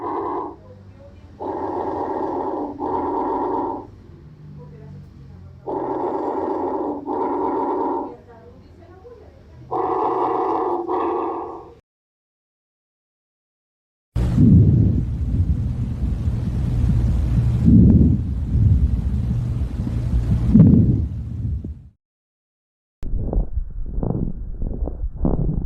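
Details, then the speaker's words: Normal breath sounds over the posterior chest through a stethoscope: soft, regular breathing. "En este punto exploraremos los ruidos de la parte posterior del tórax, que más o menos van a sonar así."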